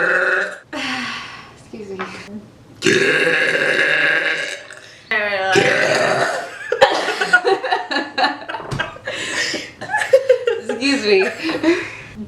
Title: Sexy Woman Burps Loudly Excuse Me in Front of Her Friend